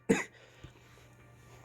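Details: One sharp adult cough then a faint second sound over low hum and faint game audio; cough in an adult with a sore throat.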